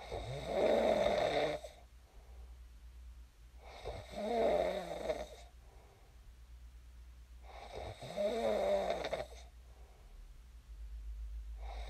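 Three rattling, vibrating snores with quiet breaths out between them, about one every four seconds. Regular sleep snoring.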